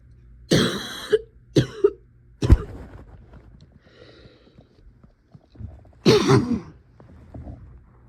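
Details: Adult who is still wheezy and still coughing: four sharp cough bursts, one strong cough, a paired cough, another single cough, then a final harsh cough after a pause.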